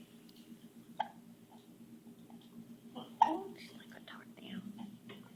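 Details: Hiccups in a 3-month-old baby.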